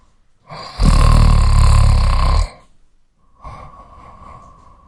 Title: Snoring Sound Effect | Male | No Copyright | Sound Library | Royalty Free | Download Free